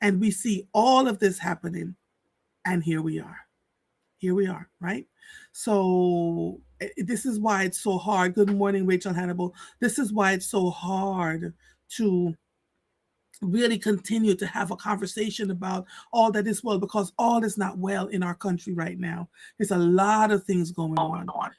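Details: Adult speaker; Ordinary speech.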